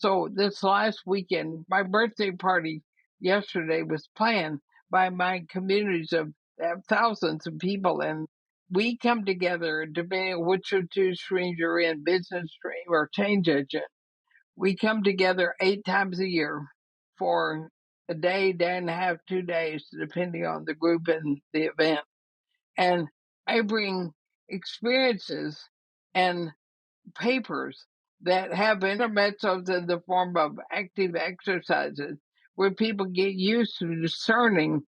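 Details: Woman about 80 years old diagnosed with ALS (Lou Gehrig's disease), who says she already has quite a bit of trouble speaking but thinks she is still intelligible; dysarthria (ALS).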